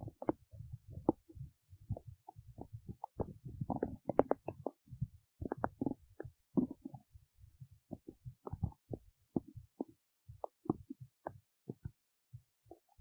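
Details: Adult woman's belly while digesting oats: frequent irregular gurgles and bubbling bursts over a quiet background. Active bowel sounds of normal digestion.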